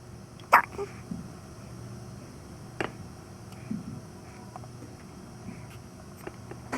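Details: Three or four brief, sharp hiccups a few seconds apart over a quiet room hum, from a premature infant in the NICU born at 32 weeks 6 days.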